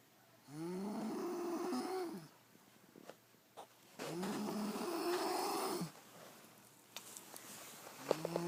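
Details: Girl snoring in deep sleep, exhausted after a full day of dancing: two long, rough, droning breaths with rising and falling pitch, separated by a quiet pause.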